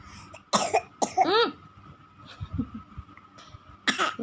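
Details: Child pretending to cough: several short, forced coughs with a voiced throat sound, an imitation rather than a real cough.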